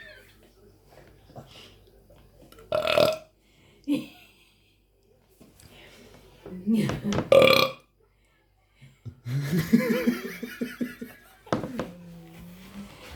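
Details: Burping with a baby present: several loud, throaty burps with pauses between them, followed by voices and baby sounds.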